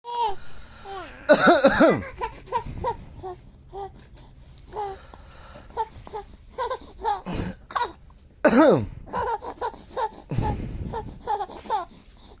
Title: Bapak batuk, bayi tertawa lucu